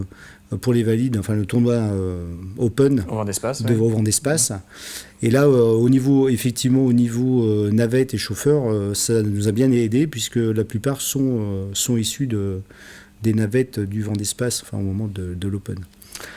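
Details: Adult man speaking French; plain speech.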